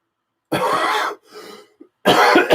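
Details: Two harsh, forceful cough bursts separated by a softer rasping breath, from an adult ill with influenza A, recorded in a quiet room on a table microphone a little distance away; acute cough.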